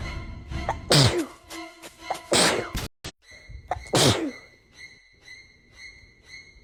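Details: Three forceful sneezes in quick succession with a steady musical tone behind them; a sneezing fit, possibly from allergies.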